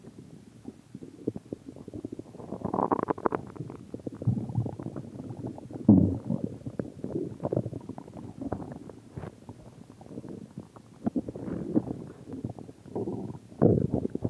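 Long, continuous low gurgling and rumbling with bubbly swells: ordinary stomach growling from gas and fluid moving through the gut.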